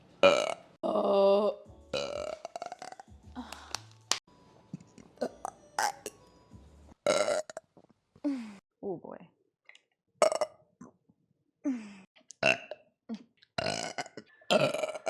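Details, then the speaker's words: Woman, in a burp compilation, says she burps way too much; a run of loud, drawn-out, gurgling burps mixed with brief talk and laughter; repeated belching. "boy [ __ ] I burp way too much guys like huh not excuse [Applause] me"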